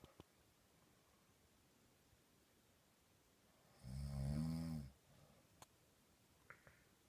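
A single loud, low, vibrating snore lasting about a second in a quiet room, with faint clicks around it.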